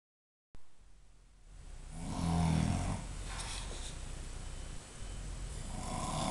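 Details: Snoring from a man in Middlesbrough after a big night out: a low, rough rumbling breath that swells and fades in a quiet room.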